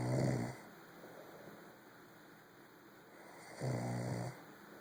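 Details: Two low, vibrating snores on inhalation with a quiet pause between, over a steady background hiss, from a sleeping person after a late night; snoring.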